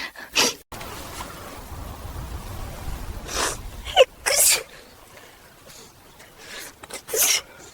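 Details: AI-generated (Sora2) simulated sneezing: several short, sharp, hissing bursts over steady background noise, like repeated sneezes.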